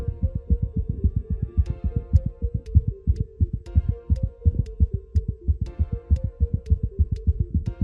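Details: Veterinary example of paroxysmal tachycardia: a regular heart rhythm that suddenly breaks into very rapid, regular thumping over a steady tonal hum.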